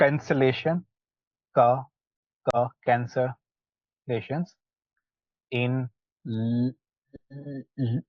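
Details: Participant in a stammering practice group, with audible repetitions; stuttering.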